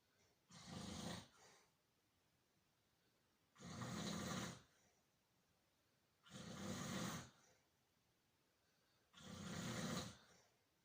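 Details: An older person ("senior") snoring: four loud, rough snores about every three seconds, roughly 20 breaths a minute, with quiet pauses between.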